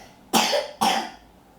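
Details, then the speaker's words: Child coughing, said to have been coughing all night with a virus: two sharp, dry coughs in quick succession. "Now he's coughing towards you. But all last night, coughing right in my face."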